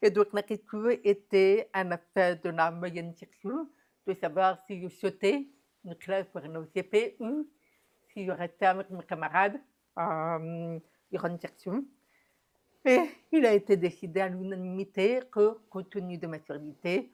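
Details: Adult woman, deaf since diagnosis at 9 months, who never heard her own voice and learned to speak through about 20 years of speech therapy, lip-reading and later sign language; deaf speech.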